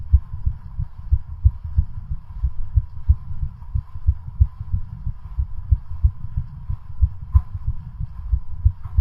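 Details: Fast, steady run of low heart thumps with a faint hum behind, recorded during a home bicycle cardiac stress test ridden until exhaustion; exercise tachycardia.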